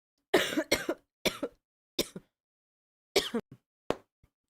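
Six short, harsh cough bursts in two clusters with quiet gaps between them, from a woman with an illness.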